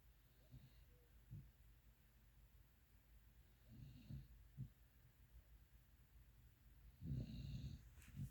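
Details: Pitbull dog snoring while asleep: quiet, irregular, low snorting breaths, with a louder rattling snore near the end.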